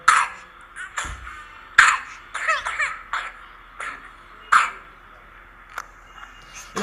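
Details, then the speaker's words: Real case of a child with whooping cough (pertussis), previously treated as bronchial asthma: a run of short, harsh, non-stop coughs in a coughing fit, with noisy breaths between them. "البرتصص left my child exhausted because he could cough continuously until he turned blue and throw up gasping for breath."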